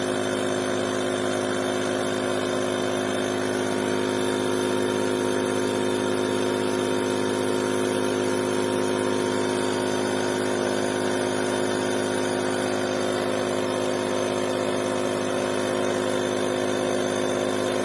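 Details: Omron InalaPop NE-C704 home compressor nebulizer running: steady, unbroken mechanical hum with constant buzzing pitch, the motor drone of a compressor nebulizer.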